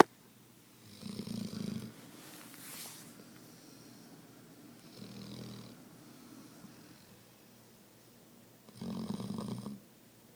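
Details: Slow rattling snores, each lasting about a second, roughly every four seconds in a quiet room; ordinary snoring.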